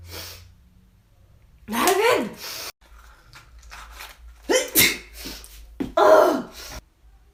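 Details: A run of three or four sharp, explosive sneezes, each preceded by a quick intake of breath; sneezing.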